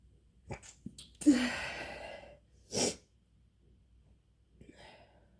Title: Induced sneezing